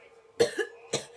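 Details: Two short, sharp coughs, an irritated response after biting into a foul-tasting jelly bean during a Bean Boozle challenge; cough.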